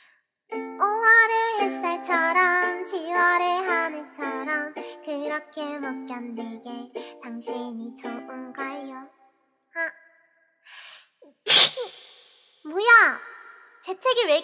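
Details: A woman VTuber sings over plucked-string music, then after a pause gives two or three sharp sneezes in quick succession: repeated sneezing.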